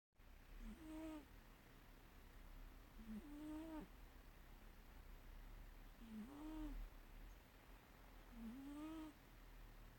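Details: Soft, regular nasal snoring during sleep, about four breaths in ten seconds, over quiet room noise; snoring.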